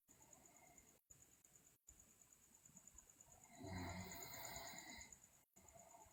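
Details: Quiet room noise broken by one long, rough, rattling breath lasting over a second from a sleeping girl who also grinds her teeth and is described as delirious; loud snore.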